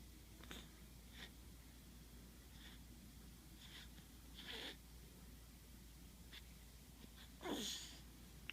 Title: is sneezing